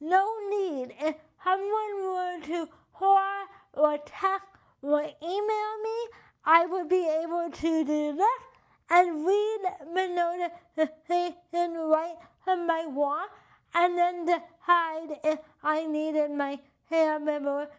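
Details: Adult with cerebral palsy and limited hand function: dysarthria (cerebral palsy).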